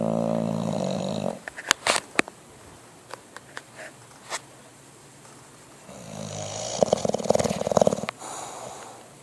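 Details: Two long, low, rattling snores from a sleeping bulldog, possibly dreaming, with soft clicks and small sounds in the quiet gap between them; snoring.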